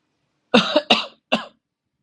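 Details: Three short dry coughs from an adult, deliberately induced by closing the nose and breathing through the mouth for about two minutes, demonstrating why cold air through the mouth causes cough; dry cough from mouth breathing.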